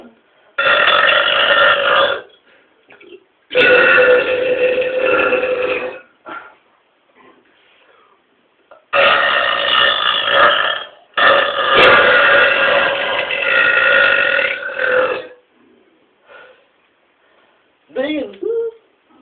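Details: Two people burping loud and powerfully: four long, loud, voiced belches with brief quiet gaps between them, then a short vocal sound at the end; burping.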